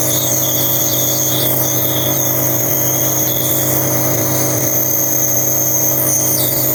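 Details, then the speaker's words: Nebulizer compressor running at night, about 10 pm, for a sleeping 9-month-old baby with cough and colds for over a week; the treatment is noisy, with a loud, steady mechanical hum and hiss throughout. "gabi na guys pero kailangan kong magp nebul sa aking baby kasi meron siyang upo at sipon so alas Anong oras na 10:00 na ayan inb ko siya tulog siya maingay lang ung Med live"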